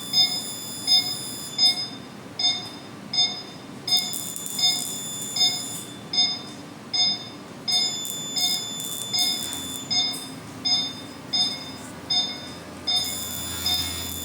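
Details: High regular beeps about 80 a minute with faint music: CO2 laser firing during second laser session on a large neck scar, two months after scar removal.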